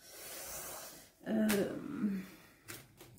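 A single loud, rough snorting breath with a brief tonal rattle, a bulldog's snore in a quiet room.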